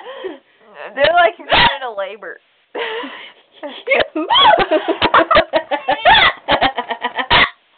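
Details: Person with hiccups while laughing, later taken to hospital for lack of oxygen: bouts of laughter broken by abrupt, gulping catches in the voice, consistent with hiccups during laughter.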